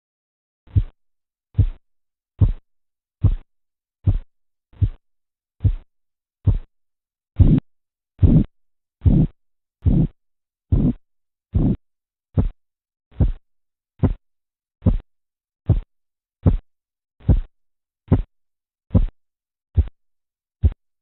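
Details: Korotkoff sounds during blood pressure cuff deflation in a teaching recording with aneroid and mercury manometers; phases described as tapping, swishing, knocking and muffling.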